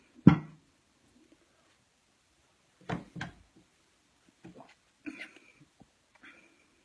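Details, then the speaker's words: A few short, harsh cough bursts with quiet gaps between them from an adult with a cold lasting about four weeks who reports trouble breathing. "all right so I've had cold for going on like four weeks now and I'm hacking up a storm"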